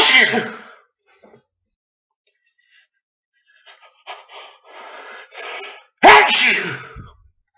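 Two loud, uncovered sneezes separated by a quiet stretch with some faint rustling; ordinary sneezing.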